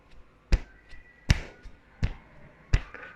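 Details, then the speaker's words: Regular deep thumps with fainter beats between them, about 80 a minute, against quiet room noise; normal lub-dub heart sounds. "ये एक आवाज आती है। इस आवाज को हम कहते हैं लब डब। खुलता है, बंद होता है, तो उसे हम क्या कहते हैं? लब डब।"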